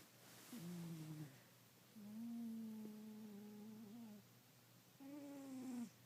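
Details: Drawn-out, tonal, whistling snores with breath pauses between them from a sleeping cat.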